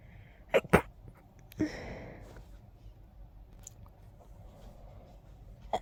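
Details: Short sneezing fit while very congested: two quick sharp sneezes, then a longer wet, blowing sneeze and a final one starting.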